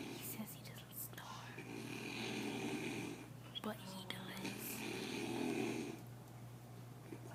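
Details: Adult man (father) snoring in his sleep: two long, rough, rumbling breaths over a steady background hum; ordinary snoring.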